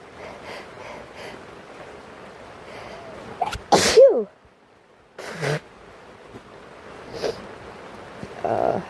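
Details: One sharp sneeze from a person who is sick, camping in a tent, with rain pattering on the tent and light background noise.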